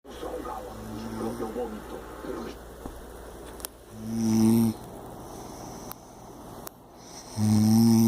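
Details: Impressive heavy snoring: deep, loud, vibrating snores recurring every few seconds over outdoor background noise.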